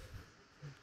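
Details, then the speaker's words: Man's overnight snoring recorded by a snore-tracking phone app and played back: two brief, low, rumbling bursts over hissy background, likened to a bulldog. "Parece perro de baño, perro bulldog."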